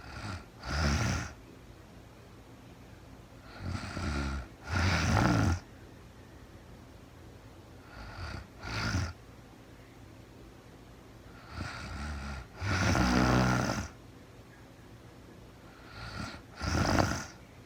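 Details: Real-time recording of a woman sleeping, very tired, no talking: slow, regular snoring, about eight a minute, low rumbling breaths with quiet pauses between; snoring.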